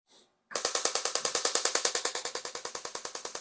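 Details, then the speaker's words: Shockwave therapy device on the patellar tendon, from kneecap to tibia, treating patellar tendinopathy knee pain: sharp, crackling mechanical pulses at a steady rate of about 200 per minute. "so we're going to do some shock wave along this whole tendon from the kneecap down to the tibia"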